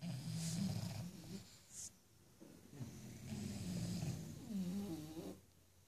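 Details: Sleeping bulldog napping: two rough, low, rattling snores, each trailing into a whistly snort; ordinary snoring of a flat-faced dog.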